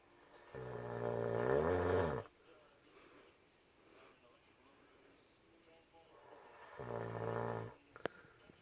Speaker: this time I thought I couldn't sleep because I had to go to the bathroom. Can't sleep because of his loud snoring.